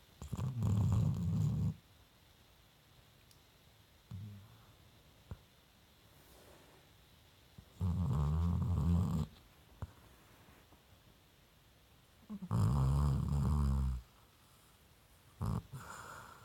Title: Onslow the Basset Hound snores